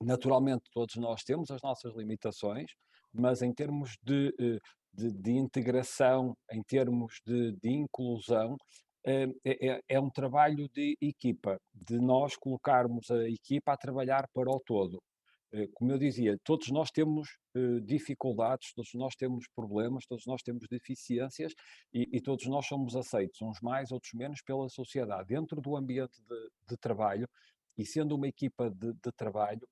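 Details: Adult male speaker; Normal speech.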